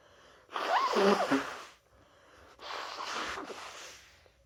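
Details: Person with their annual common cold, sneezes held in at work all day: two sneezes, the first loud and voiced, the second weaker and breathy; sneezing.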